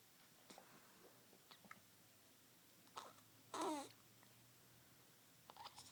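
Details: A 5-day-old infant; a faint, quiet recording with a few soft, brief sounds and one louder voiced squeak: infant hiccups.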